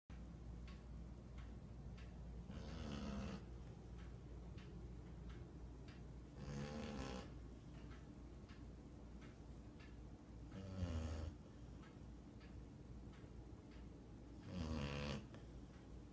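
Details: Four slow, buzzing snores, about 16 a minute, from a sleeping dog over a steady low background hum; ordinary snoring.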